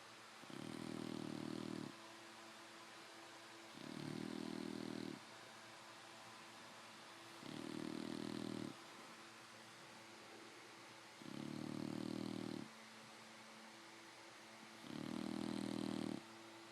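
Regular rough snoring on each breath in, about 16 breaths a minute, with quiet breathing between.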